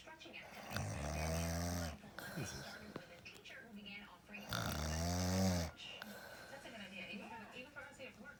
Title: Snoring mom